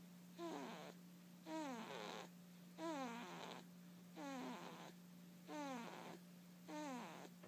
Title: snoring